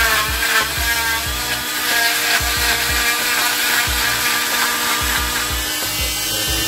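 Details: Steady buzzing saw whine with grinding, rubbing strokes as an oscillating cast saw cuts off a boy's arm cast covering the wrist and elbow, with background music.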